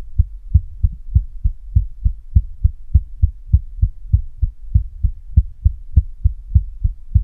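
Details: Female with a visibly throbbing neck pulse: steady, low, thudding paired heart sounds, about 100 beats a minute, regular and strong; a forceful heartbeat.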